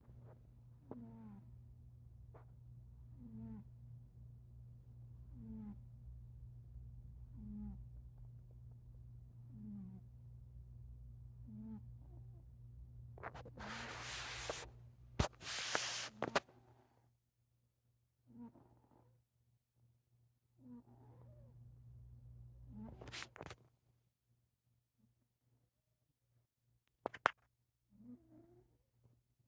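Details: Soft, regular snoring breaths from Luna, a sleeping black cat who is dreaming, about 30 per minute over a steady hum: snoring.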